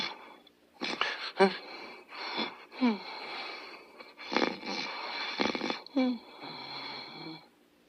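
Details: Irregular snorting, whistling and wheezy breath noises from a sleeping dog; noisy snoring.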